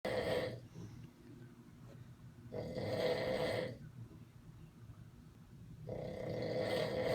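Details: Man snoring: loud, rough, vibrating breaths about every three seconds, roughly 20 a minute, with quiet gaps between; heavy snoring.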